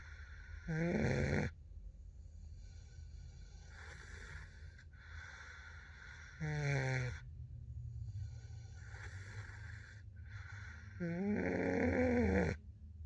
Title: Snoring time 😴 (turn on the volume 🤣)